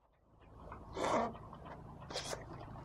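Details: Two short, harsh, rasping expulsive bursts from a dog against low background noise, recorded 4/15/17; dog cough.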